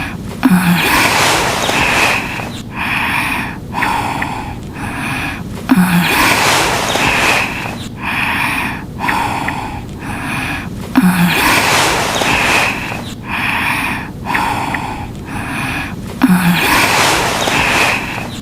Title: Rito Snoring Sound Effect (Looped For 110 Seconds)